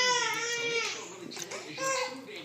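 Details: Baby cries after a dog sneezes on it, with a delayed start: a tonal wailing cry, broken by a short gasp, then resuming.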